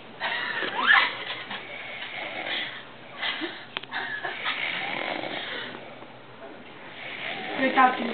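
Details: Sleeping subject: rough, rattling sleep breaths with faint background noise: snoring.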